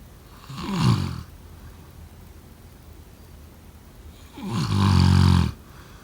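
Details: Snoring.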